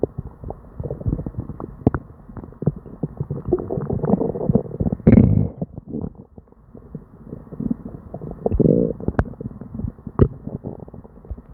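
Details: Person with diarrhea and an upset stomach: near-continuous gurgling, rumbling and popping stomach noises with few pauses; hyperactive bowel sounds (borborygmi).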